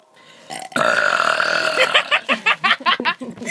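A long, loud, voiced belch followed by a run of rhythmic burp-like pulses; deliberate, repeated burping.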